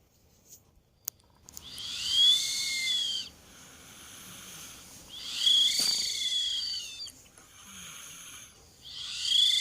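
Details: A 2-year-old child snoring in sleep: high-pitched, whistling breathing noises with each breath, about 18 breaths a minute; snoring.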